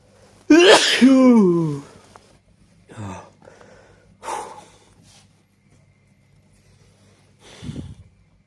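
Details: Person with allergies sneezing repeatedly: a loud voiced sneeze, then smaller sneeze-like bursts and a final low snort-like sneeze; allergic sneezing.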